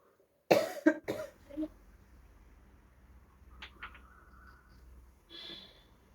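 An adult gives a short run of about three to four dry coughs, followed by quiet room noise.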